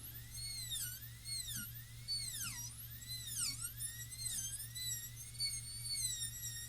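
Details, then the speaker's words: High-pitched dental drill whine rising and falling as the bur trims toward the facial margin and adjacent tooth during a distal-occlusal (DO) amalgam cavity preparation demonstration, with steady low room hum. "Using the end of the burr, trim it as close as I can to the facial margin, which means as close as I can to the adjacent tooth."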